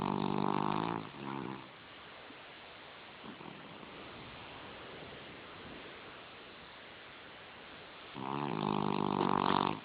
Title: Snoring Puppy